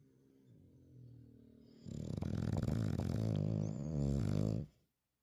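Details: Bulldog snoring: a quiet snore, then a loud, rattling, growly snore lasting several seconds, typical of a flat-faced dog.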